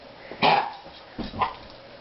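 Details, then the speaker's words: Gagging cough in a female dog: two short, harsh coughs with a gagging quality, nothing brought up; she coughs about 6 to 8 times per bout. "okay so it sounds like a gagging cough she's not spitting up anything"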